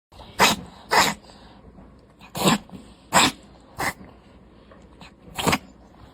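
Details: A 4-year-old Devon Rex cat has dry, harsh hacking cough episodes, once daily to weekly, lasting 10–30 seconds, rapid with tongue out, nothing produced; started a year ago, asthma-like, x-rayed by vet.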